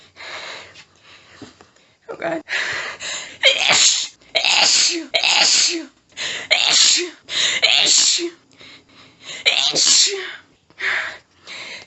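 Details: Adult female, nose tickly all day, unable to stifle: about ten very strong sneezes in rapid succession with quick gasping, panting breaths, an intense paroxysmal sneezing fit.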